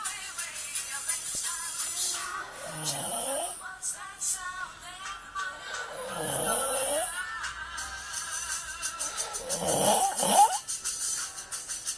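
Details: A man snoring: three long, rumbling snores with whistling ends over continuous music, possibly edited or staged; snoring.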